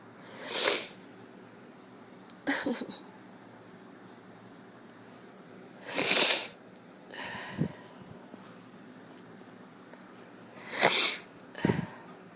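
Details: Repeated sneezing in a person with a cold: three pairs of sharp, breathy sneezes over about twelve seconds, each a loud burst of air followed closely by a smaller one.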